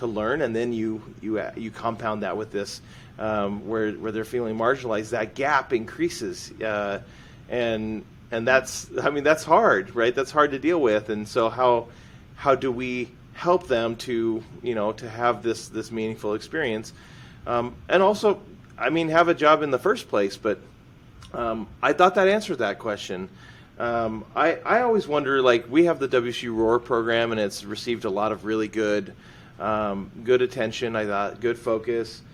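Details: Adult woman, non-native English speaker originally from Russia, who self-reports stuttering as her disability; stuttering.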